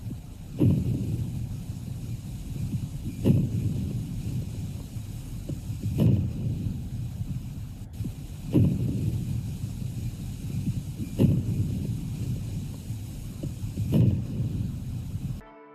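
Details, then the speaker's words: Early inspiratory crackles, characteristic of COPD and decreased FEV1: repeated breaths with a burst of low-pitched crackling at the start of each inspiration. "early inspiratory crackles suggest decreased fev1 capacity and are characteristic of copd listen to an example of inspiratory crackles"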